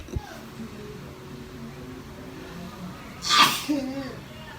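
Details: Sneeze induced by nose swabbing (ASMR sneezing treatment): a single sharp, explosive sneeze over soft background music and murmuring.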